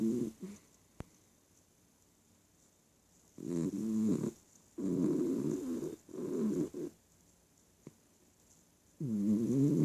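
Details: Snoring: irregular, rattling, fluttering snores separated by quiet pauses.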